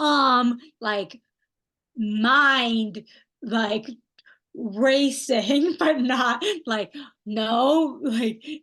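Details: Aphasia in a young woman after a stroke at age 27; she is a stroke research study participant in an intensive therapy program.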